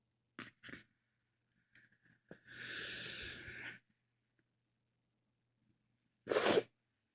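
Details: Short breathy catches build into a long, forceful sneeze, followed a few seconds later by a second sharp sneeze; one of a series of sneezes.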